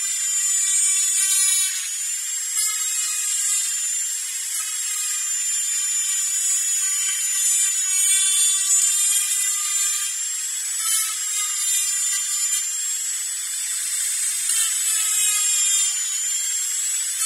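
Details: Dental drill sound-effect recording: steady high-pitched whine, rising and falling slightly, with brief pulses.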